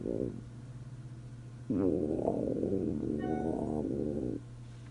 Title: Stomach rumbling sound effect free | Stomach Grumbling |Borborygmi | No Copyright | #shorts